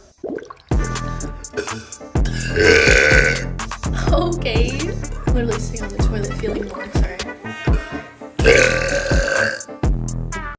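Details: Young woman burping: several loud, drawn-out burps one after another over background music; burping.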